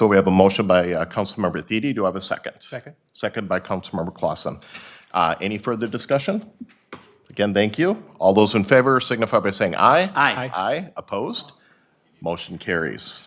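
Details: Adult male speaker at a meeting; normal voice.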